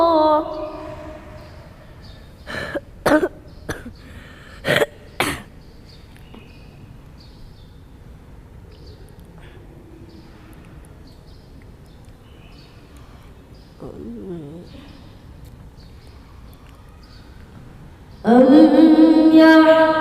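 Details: Cough during a cold while practising Quran recitation (tilawah): a run of several short, sharp coughs and throat clearing between stretches of sung recitation.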